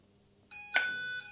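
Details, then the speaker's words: SAV04 small animal ventilator daily leak test: thumb over the port, a gentle squeeze raises pressure by 10 cmH2O and triggers the ventilator, giving a sudden steady electronic tone with a brief chime-like accent. "just squeeze with your thumb very gently and just the compression of the gas in there from the movement of the ball of my thumb into that area is enough to raise the pressure by 10 centimeters and trigger the ventilator"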